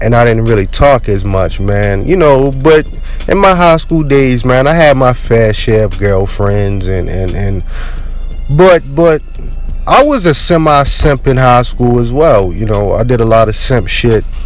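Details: Stuttering in an adult man who had a really bad stutter since childhood that is still present.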